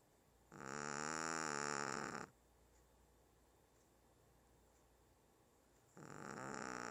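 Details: 1-year-old Shih Tzu dog snoring loudly: buzzing, tonal snores lasting nearly two seconds with quiet gaps, about 11 breaths a minute.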